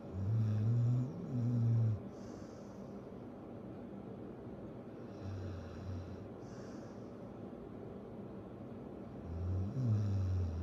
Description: First night of dog sitting for my friends, and their pit bull Stella is snuggled up on my leg and snoring away.